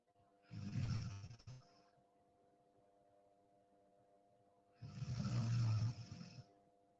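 Two deep, rumbling snores about four seconds apart with a faint steady hum behind; typical snoring in sleep.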